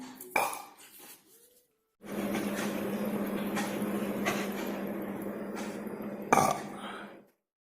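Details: Belching: a short burp, then a long, drawn-out, low buzzing belch lasting about five seconds, with a sharp burst near the end.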